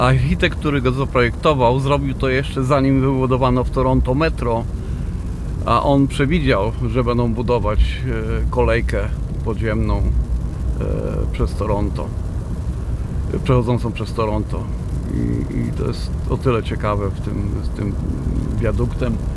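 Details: Male speaker who describes his own stuttering, speaking Polish; audible word repetition; stuttering.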